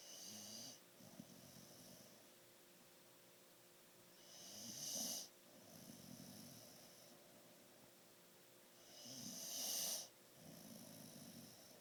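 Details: Sleeping pet with rhythmic snoring, about 13 breaths per minute: rumbling breaths with a hissing whistle on each cycle, over a steady background hum.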